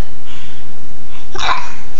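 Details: Young child asked by mother about hiccups: one short, abrupt voiced hiccup sound against quiet room noise; a single hiccup.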